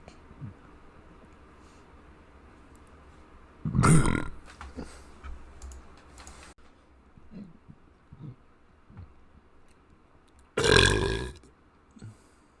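Two loud, low, rumbling burps several seconds apart, with faint room noise and small sounds between.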